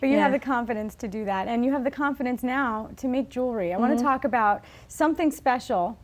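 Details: Adult woman speaking; normal speech.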